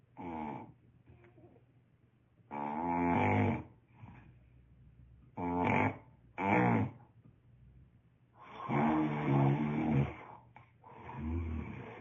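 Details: Heavy snoring in a man: loud, rough, rattling snores in irregular bursts with quiet gaps, in a small room; mouthpiece treatment mentioned.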